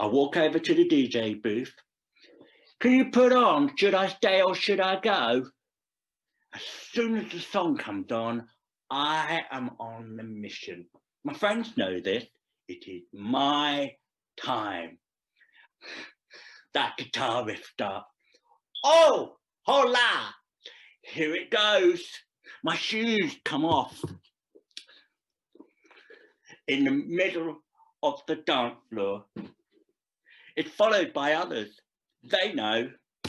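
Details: Deaf adult male actor reading a scripted story aloud; deaf speech.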